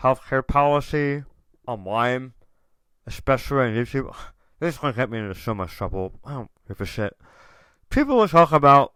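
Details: Adult male tongue cancer survivor, diagnosed October 2021, over 1.5 years in remission; ~80% of tongue removed, reconstructed with left-leg muscle; proton therapy and chemotherapy; reduced tongue and jaw movement; articulation impairment after partial glossectomy.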